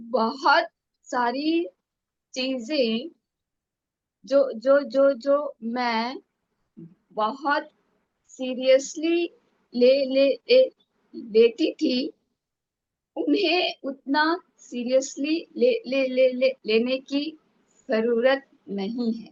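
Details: Woman who stammers, speaking in a stammering self-help group session; syllable repetitions are audible; stuttering.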